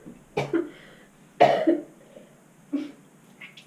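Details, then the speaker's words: Acted cough in a coughing-up-blood prank by a woman who recently had her wisdom teeth removed: three harsh cough bursts with throat-clearing in a quiet room. "so it gave me the idea like I just got my wisdom teeth out what if I just like started coughing up blood like what the [ __ ] would Jordan do"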